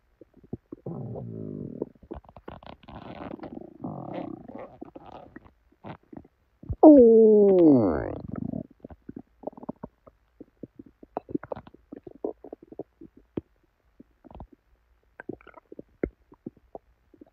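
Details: Person's belly after drinking probably expired milk, with very bad diarrhea: loud, long gurgling and rumbling with a drawn-out squeaky growl; loud bowel sounds, borborygmi.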